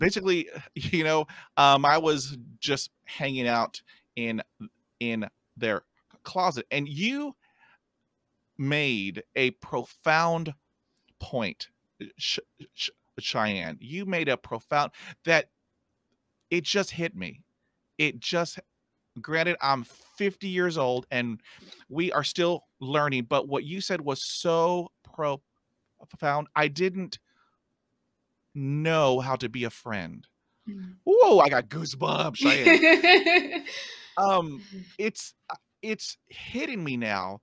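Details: Stuttering in an adult man, with sound repetitions heard in conversational speech.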